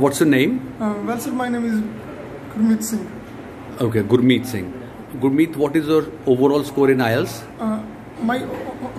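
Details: Adult male speakers in a short question-and-answer exchange; conversational speech.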